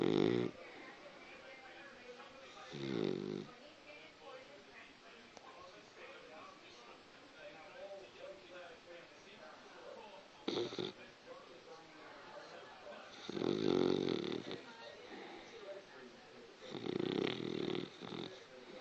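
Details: Sleeping Cockapoo dog: irregular snorting, rasping snores every few seconds with quiet breathing between; snoring.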